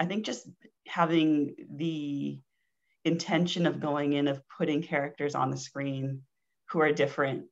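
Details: Stuttering in an adult woman, onset at age four; speech therapy in childhood, later avoidance reduction therapy; formerly covert stuttering.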